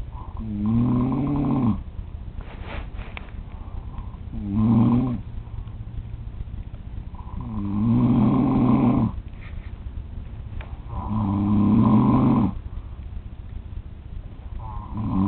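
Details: Adult man (father) recorded snoring in sleep at 3 a.m.: deep, rumbling snores on each in-breath, about four over fifteen seconds, with steady breathing noise between.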